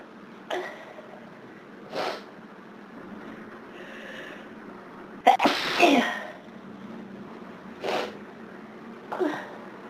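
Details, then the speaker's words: Run of about six sneezes, one louder burst midway, over steady background noise, on a severe summertime hay fever day; repeated sneezing. "Maybe it'll settle down now. Maybe not. I still need to sneeze."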